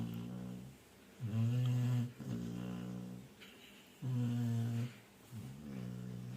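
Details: Female Labrador snoring after a full meal: deep, rhythmic rumbling snores, roughly one every three seconds, with quiet gaps between breaths.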